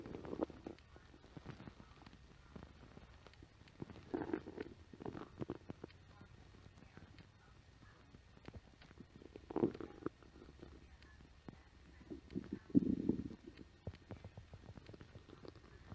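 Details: Low gurgling rumbles rising and falling in several bursts from a woman's stomach on a music-video set, gas and fluid moving through the gut; stomach growling (borborygmi).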